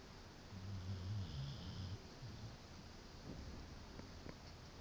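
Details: Snoring from a pit bull dog.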